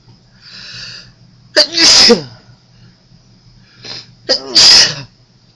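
Two loud sneezes, each preceded by a sharp indrawn breath, in a quiet room.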